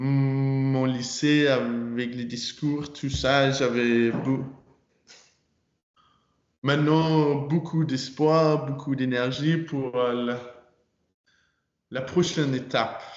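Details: 22-year-old man who stutters, speaking French; he began working on his stutter in his final year of high school.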